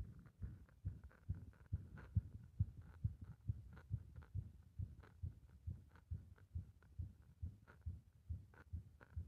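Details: Heart compressed and stumbling: fast heartbeat around 135 a minute with occasional stumbles in the rhythm; irregular heartbeat with skipped beats.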